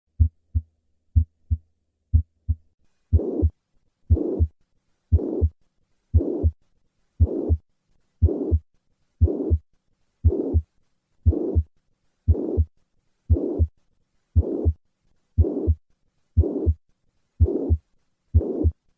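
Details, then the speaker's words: Mitral regurgitation: plateau-shaped holosystolic murmur extending from the first to the second heart sound, most prominent at the cardiac apex radiating to the axilla; can become harsh when loud; educational auscultation recording. "the classic murmur of mitre regurgitation is plateau-shaped and holosystolic extending from the first heart sound all the way to the second heart sound"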